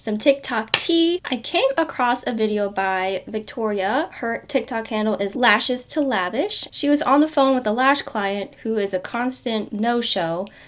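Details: Adult woman; typical speech.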